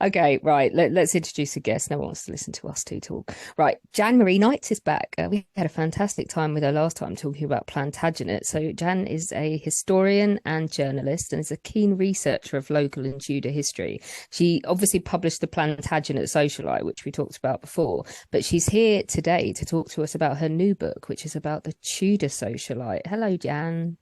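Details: Adult speaker; Normal voice.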